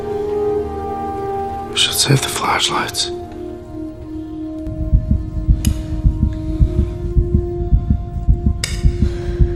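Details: A heartbeat sound effect in a film scene (Signs, 2002) during a child's asthma attack: a steady, low thumping heartbeat of about 107 beats a minute over music and a tense soundtrack. It is simulated, not a real recording.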